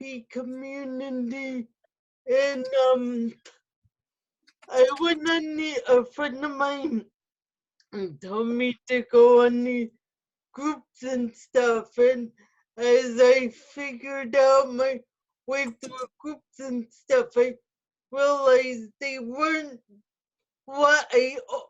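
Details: Adult woman with spastic quadriplegic cerebral palsy who uses a wheelchair; no specific speech disorder is named; speech in cerebral palsy.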